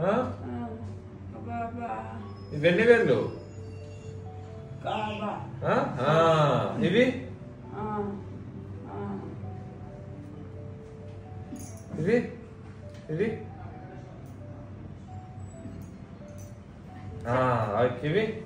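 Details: Broca's aphasia of sudden onset after a stroke in a female patient, from damage to Broca's area in the front of the brain; she understands speech but cannot answer clearly, say her name, or name numbers.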